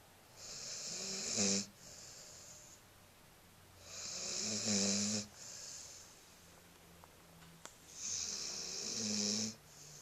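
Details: Sleeping pit bull puppy, rhythmic rattling snores on each breath in about every four seconds, quieter breaths out between; snoring.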